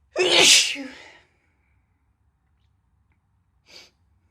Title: compilation of recent female sneezes